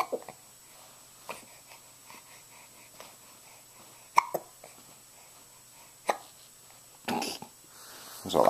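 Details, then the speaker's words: Hiccups, recorded on a Flip Video camcorder: soft, brief jerky catches at irregular intervals, several louder, in a quiet room. "where'd you get those hiccups huh where'd you get them"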